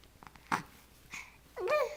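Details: Baby recorded on a Flip Video camcorder: one abrupt hiccup, then a small breathy sound and a soft coo in a quiet room; hiccups.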